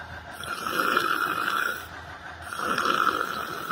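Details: Person sitting on a library bench doing yoga meditation, asleep: two long, loud, rasping breaths with a buzzing quality, about two seconds apart; snoring.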